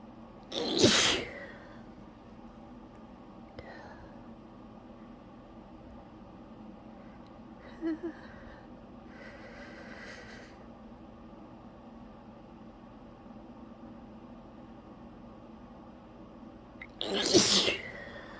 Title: three very forceful sneezes